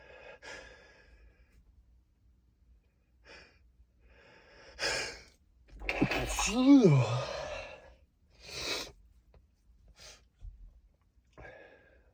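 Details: Male, stifled sneezes: quiet breaths and short muffled bursts, then a strained, held-back sneeze with a brief voiced sound; he tried to stifle them but they were too strong.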